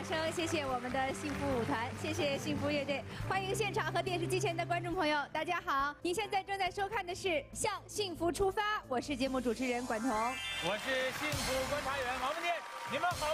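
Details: Adult television hosts, female and male; normal speech.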